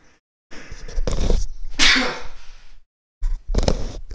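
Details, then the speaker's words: An adult gamer sneezes mid-commentary: a sharp indrawn breath, then one explosive, hissing burst of air and a brief second burst after a pause. "Sorry, I just sneezed. If it was not clear what this noise was."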